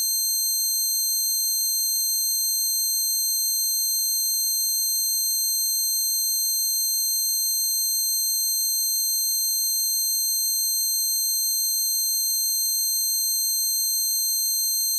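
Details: Simulated tinnitus, one person's closest recreation of their own ringing, which began after a concert beside an amplifier: steady high-pitched ringing tones with a faint warble, continuous throughout.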